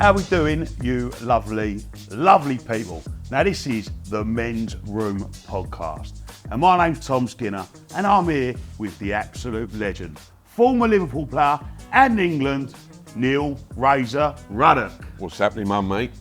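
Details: Adult male speaker; Normal fluent speech.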